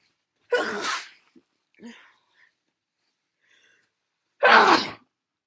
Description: Exactly what it says on the tin. These were SO snotty.